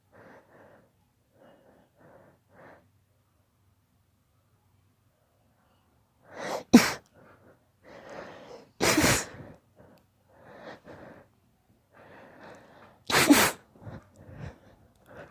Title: My daughter's rapid allergy sneeze fit